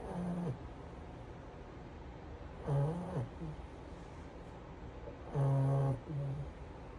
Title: Snoring frenchie lol